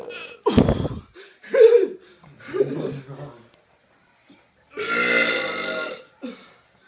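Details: Burping reel: several loud voiced belches in a row, some short and one long and drawn out, with brief pauses between them.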